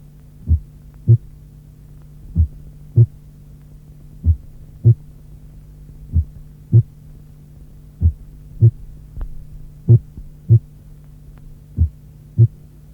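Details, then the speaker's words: Slow heart sounds, about 32 beats a minute (bradycardia), with a first heart sound varying in loudness beat to beat due to atrioventricular dissociation with variable atrial-ventricular intervals. "Notez la bradycardie et l’intensité variable du premier bruit cardiaque en cas de dissociation atrioventriculaire."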